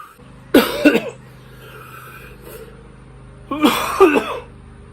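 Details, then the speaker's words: Two harsh coughing bouts, each of two or three quick bursts, over a faint steady hum; capsaicin cough in an adult after eating Carolina Reaper hot pepper, alongside hiccups. "let's get that cough though to be dealt challenges"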